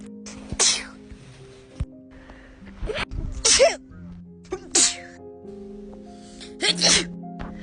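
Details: Sneezes labelled as Covid sneezes: about five forceful sneezes in a row, some in quick pairs, heard over background music.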